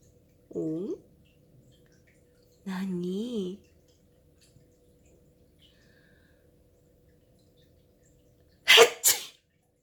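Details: An adult's sharp double sneeze near the end, after two meows from a cat that scolds its owner for sneezing. The owner also tried fake sneezes, so this one may be real or fake.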